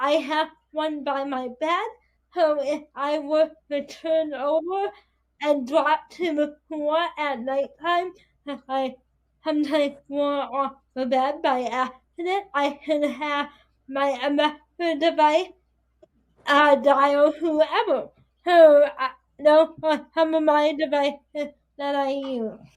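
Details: Dysarthria in a 22-year-old woman with spastic quadriplegic cerebral palsy affecting her whole body, including her speech; her right side is impaired, she uses a walker or wheelchair and needs help with daily tasks.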